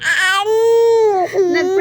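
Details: Baby girl's loud, sustained cry with a steady pitch and a brief catch partway, while food is being prepared; caregiver says the baby is hungry.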